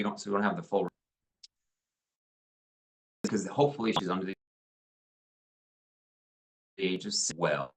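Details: 71-year-old male choral singer after right glomus jugulare resection with right vocal fold paralysis, right tongue paralysis and hypoglossal sacrifice, large right glottic gap; breathy weak voice, hypernasality from velopharyngeal insufficiency, dysarthria; vocal fold paralysis.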